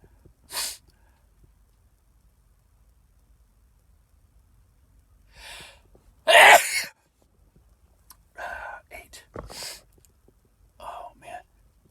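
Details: Sneezing repeatedly, a run of several sneezes counted toward ten, one loud and forceful, with soft breaths and quiet gaps between; ordinary repeated sneezing.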